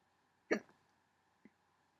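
One abrupt hiccup followed by a fainter second one a second later, in a quiet room.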